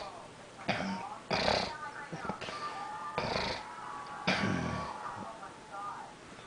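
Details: A father snoring: loud, rough snores every second or two in a quiet room, with throaty rattling breaths between them.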